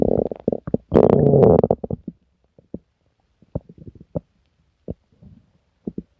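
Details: Person sick for several days with stomach pain, diarrhea and nausea: loud gurgling stomach sounds with a deep sustained growl, then scattered short pops; active, loud bowel sounds (borborygmi).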